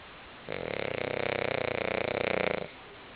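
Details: Kirby snoring while asleep on the couch.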